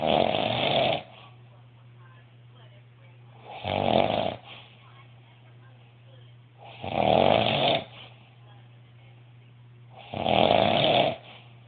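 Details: Heavy snoring: loud, rough snores on each in-breath, four in about 12 seconds (roughly 20 per minute), with a steady low hum between.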